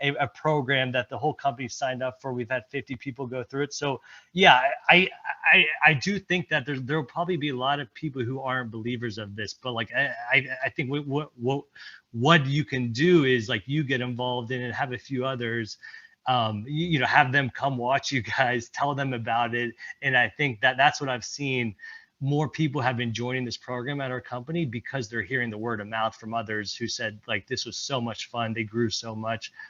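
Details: Stuttering in a presenter at a stuttering-community event, speaking during an improv presentation; repetitions heard.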